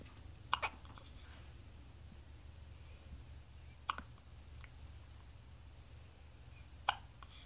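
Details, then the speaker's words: Six-day-old newborn with a bout of hiccups: three short, sharp, soft hiccup clicks spaced a few seconds apart in a quiet room. "He's not in love with his hiccups. No."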